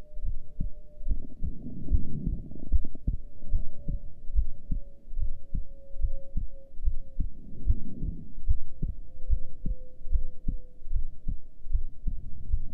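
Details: Normal heart sounds recorded during a breath hold, with a heart rate display: steady low thumping heartbeats at about 72 a minute with soft rustling and a faint hum.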